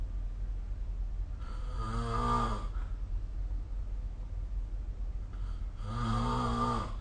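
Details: Two long, rattling snores on the in-breath about four seconds apart, over steady low room hum; ordinary snoring in sleep recorded with the SnoreLab phone app.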